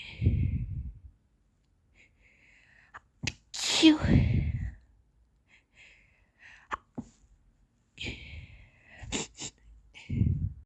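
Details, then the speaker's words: Girl with a cold and a dust allergy trying to sneeze and stifle her sneezes: several sharp explosive sneezes, each with a quick breath in beforehand, separated by quiet pauses. "hi everyone I cut a cold um and I'm a little allergic to the dust in the house right now and um I'm going to try to sneeze um I hope you like it"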